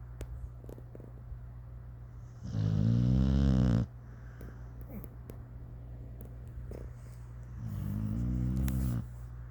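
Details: Dog named Meadow, sleepy, snoring while covered up: two long, loud, rattling snores on inhalation, low buzzing vibration with quiet pauses between; ordinary dog snoring.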